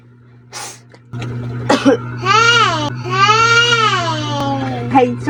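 A brief sneeze-like burst, then a toddler breaks into two long wailing cries over a steady room hum. Ordinary crying.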